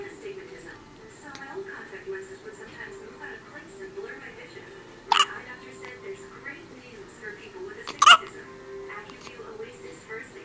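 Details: A 19-hour-old newborn boy gives two sharp, sudden hiccup sounds over faint background music and quiet talk; newborn hiccups.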